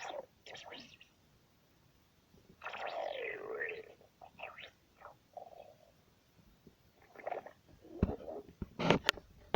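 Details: Irregular gurgling and squeaky, rising rumbles in a quiet room: stomach growling (borborygmi) in a hungry person.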